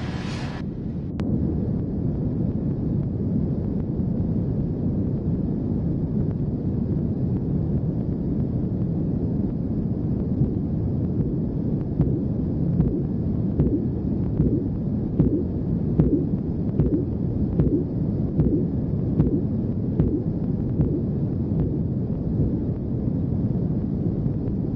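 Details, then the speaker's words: Korotkoff sounds during manual blood pressure measurement: soft regular tapping heard through a steady low rumble. "Este video me parece muy importante, ya que nos permite escuchar de forma clara y concisa cuando tomamos la presión arterial de forma manual."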